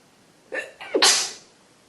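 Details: Adult woman with a head cold: a short catching inhale then a single forceful sneeze; sneeze.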